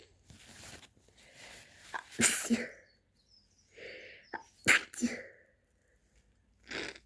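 Several sharp sneezes with quick catching breaths between them in a quiet room; a bout of allergic sneezing.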